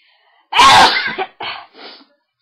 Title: Big sneezes and Nose blowing